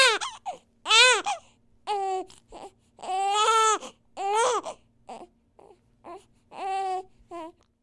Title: Infant Cry / Baby, Baby Cry, Cry, Crying, Children, Babies, Newborn, New Born, Child, Infant